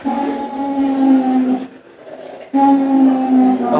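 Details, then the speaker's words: A whistling sound with each breath, attributed to secretions in the airways: wheezing. "ويزنغ صوت صفير مع التنفس بسبب وجود الافلام"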